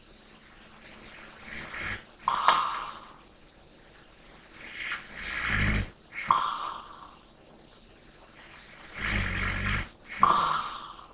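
Snoring mixed with airy breaths and snorts, about 15 breaths a minute, irregular in strength.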